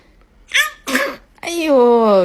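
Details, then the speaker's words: Baby sneezing, said to be like the father: quick, airy, high-pitched sneezes, then a brief voiced cry-like sound; infant sneezing. "跟爸爸一样，喷嚏要一次打3个，是不是啊？"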